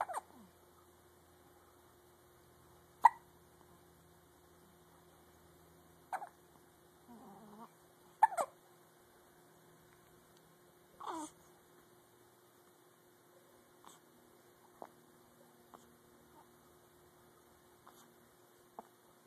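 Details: One-week-old baby with hiccups: sharp, brief hiccup sounds repeating irregularly, about a dozen a minute, in a quiet room with a faint steady hum.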